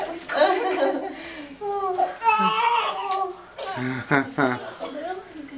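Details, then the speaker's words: Newborn boy's first short, wavering cries just after delivery, with adult voices nearby, on 24 March 2016; healthy newborn cry. "yeah that's a good baby we like crying now"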